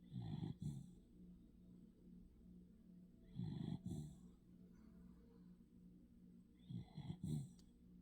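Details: Sleeping dog snoring: low, fluttering snores about every three to four seconds with a soft steady background hum; snoring.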